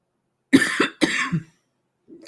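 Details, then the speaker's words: Adult with a cough attributed to allergies: two quick bursts of dry-sounding coughing in a quiet indoor room. "two got how much time 15 minutes as you can hear I have a bit of a cough and it's allergies guys"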